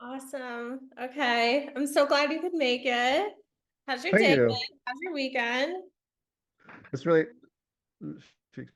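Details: Adult woman speaking; normal speech.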